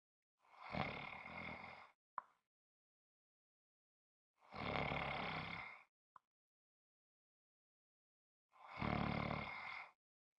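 Three loud, rough, rattling snores roughly every four seconds, each followed by a brief click and silence: heavy snoring in sleep.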